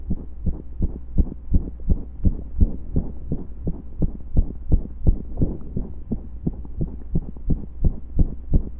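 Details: Heartbeat during pressure and breath holds: fast regular low thumps with a steady hum underneath, occasional skipped beats breaking the rhythm.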